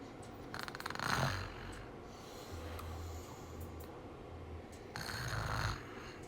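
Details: Snoring recorded 1/22/24: low, rattling snores on the breath, each starting with a snort, over a steady background hum.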